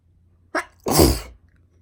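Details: Girl sneezing, from a sneezing compilation: a short in-breath followed by one sharp, explosive sneeze.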